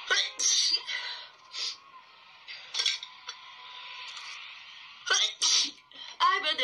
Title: (LG) Sneezes Pt.7